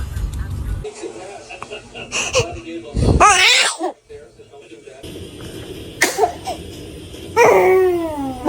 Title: Baby sneezes 🤧🤣 #baby #sneeze #funny #cute #funnybaby